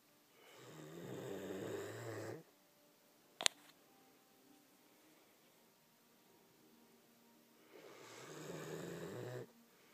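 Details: Baxter snoring in the morning: two long, rough snores on breaths in, about seven seconds apart, with a brief sharp click between them, in a quiet room.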